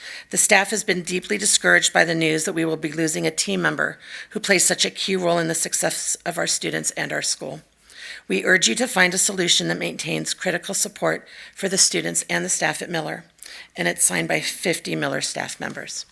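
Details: Adult speaker; normal voice.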